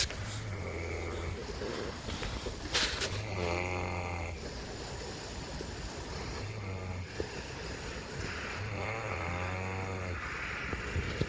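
Deep, rattling snores on each breath in, about three in ten seconds, with a soft whistle and quieter breaths out.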